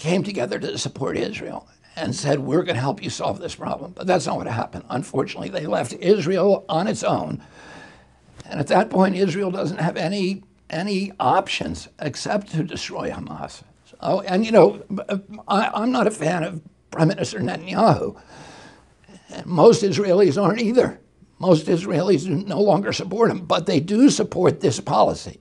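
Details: Adult male with a very strong voice until age 42, then a neurological injury in 1996; he says his brain sends wrong signals to his vocal cords, not a vocal cord problem; spasmodic dysphonia.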